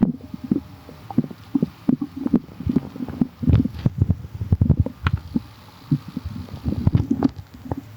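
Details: Soft, irregular gurgles and low rumbles from a quiet belly; ordinary stomach growling, bowel sounds (borborygmi).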